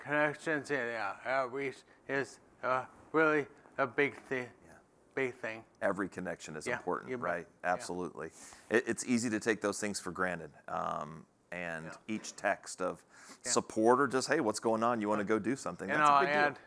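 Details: Adult man living with ALS who says his own speech isn't great: dysarthria (ALS)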